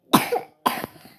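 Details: Child off school, sick with a phlegmy cough that is getting worse: two short cough bursts, each with a sharp onset and rough tail, a wet, phlegmy cough.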